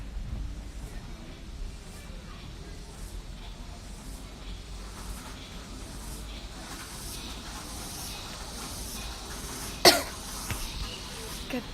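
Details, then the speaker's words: A single short, sharp cough during a livestream from a young woman whose cough has persisted and made her voice hoarse despite soy sauce and lime. "Hei, apakah kalian tahu batukku tidak kunjung sembuh ? Adakah di sini yang pernah mengalami batuk"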